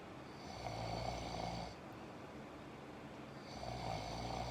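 Rough, low rattling snores on breathing in, two long breaths separated by a quieter pause, with steady room hum in the background.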